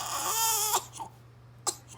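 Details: A baby with hiccups gives a brief high-pitched wailing cry that breaks off, followed by a couple of short catching sounds. The hiccups are described as seeming to hurt.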